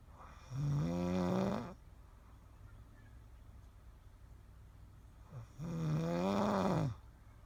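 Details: Snoring: two loud, drawn-out rattling snores on in-breaths, several seconds apart, with quiet between.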